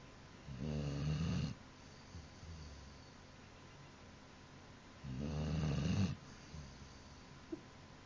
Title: snoring dog... so funny